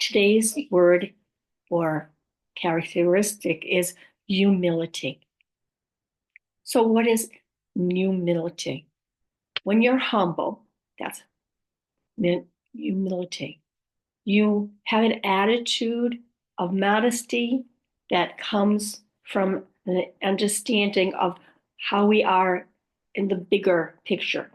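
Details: Woman with aphasia after a stroke, who also mentions apraxia and dysarthria among her communication challenges; aphasia.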